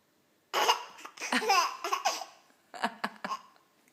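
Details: A child laughing with hiccups: bursts of laughter broken by sharp, sudden catches of breath.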